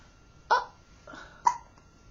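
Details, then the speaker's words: A young baby just starting his fourth week, with ordinary infant hiccups: two short, sharp hiccups about a second apart, a faint soft sound between them. "this is and he's just starting his fourth week here he is hi whoops flopsy baby oh flopsy baby's got hiccups"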